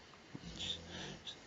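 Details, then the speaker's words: Pet dog asleep and twitching on a sofa: quiet, breathy, rumbling breaths heard faintly in a small indoor room; soft snoring. "So they're don't know if you can hear my dog snoring in the background, twitching on the sofa. She's chasing rabbits."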